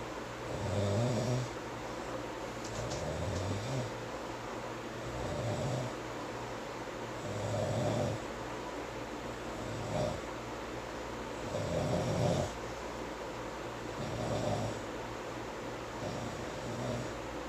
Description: He's snoring and talking in his sleep. I'm not sure what he is saying